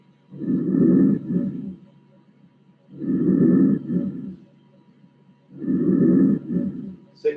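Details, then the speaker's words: Teaching manikin, posterior chest auscultation avoiding the scapula: soft, low rustling breaths with prolonged inspiration and barely audible expiration. Normal vesicular breath sounds (murmullo vesicular). "O sea, inspiración prolongada, expiración apenas audible, murmullo vesicular."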